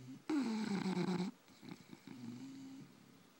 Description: My sleepy snoring bulldogs